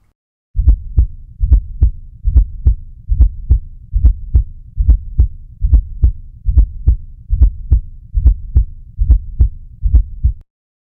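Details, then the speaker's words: Fourth heart sound (S4 gallop) from a stiff, non-compliant ventricle, recorded on a digital stethoscope: regular heartbeat near 70 a minute with a soft, low extra sound just before each first heart sound. "the atria is trying to force blood in and this is causing a turbulent flow and what it sounds like is little of dub so let's have a listen and see if you can distinguish that fourth heart sound just before the first one"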